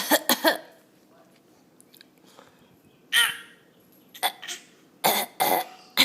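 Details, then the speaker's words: An infant gives several short, breathy cough-like bursts on request. It is a fake cough the child was taught, playfully pretending to be too sick for school, and it comes out more as a laugh. "oh there you go it comes out more as a laugh than a cough though come on jackie"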